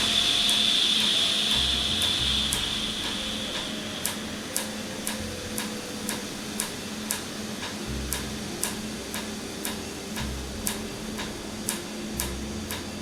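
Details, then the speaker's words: Laser tattoo removal on numbed skin, with ink frosting over as it is hit and cooling air applied; red ink is left for a later session: regular sharp snapping clicks about three per second over faint hum; laser tattoo removal device firing. "Okay, so you see that it looks like the color gets hit and it looks like it like frosts over."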